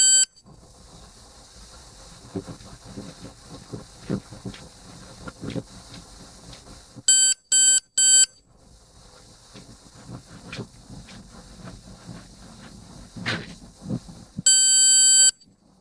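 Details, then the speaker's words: Quiet handling clicks, then loud electronic beeps and a final longer tone as a ThermoGlide thermocoagulator signals treatment of a cervical lesion is complete, before probe cool-down. "The treatment is complete, and now I'm just awaiting the cool down process before I remove the probe."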